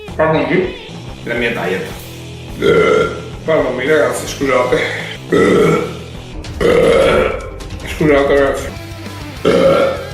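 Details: Young men from Spain, Liberia, Italy and Mexico burping on purpose: a series of long, loud, drawn-out voluntary belches, about seven in ten seconds, over light background music.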